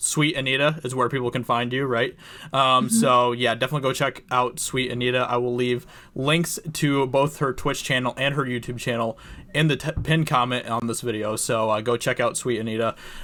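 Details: Adult male speaker; ordinary speech.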